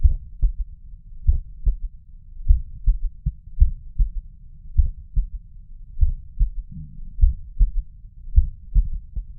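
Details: Stethoscope at the mitral area: soft, low heartbeats with a faint extra dull thud following the second sound; third heart sound (S3).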